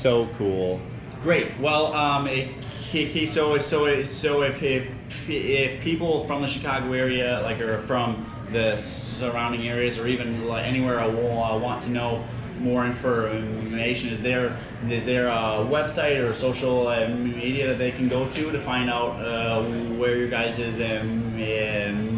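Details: Stuttering in a male interviewer at a convention of young people who stutter; repetitions heard.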